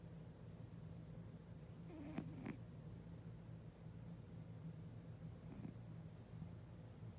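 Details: Sleeping cat snoring: soft, continuous low rumbling breathing with a few faint squeaks; gentle snoring, normal during REM sleep. Stertor is a low-pitched, snoring-type noise on inhalation.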